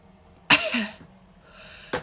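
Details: Self-administered nasal swab test (Covid testing) sets off one abrupt, explosive sneeze with a short trailing voice, then the start of a second burst; person reports pain and tears from the swab.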